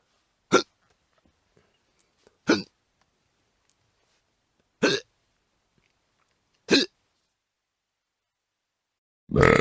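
Five short, sharp belch-like bursts a couple of seconds apart in silence; sound-effect recording.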